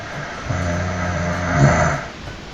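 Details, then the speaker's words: One loud, low, rattling snore lasting about a second and a half, from a sleeping adult who was surprised at how loudly they snore. "Ah ouais, on voit quand même que je ronfle comme un fort, hein. Mine de rien. Je pensais pas que je ronflais aussi fort."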